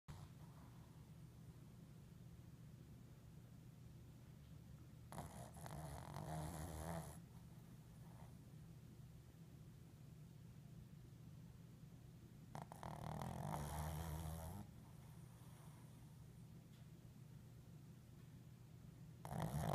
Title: Eyes wide snoring - extended version